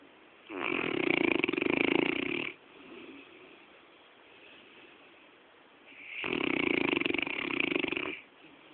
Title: saint bernard honey having a cuddle while snoring her head off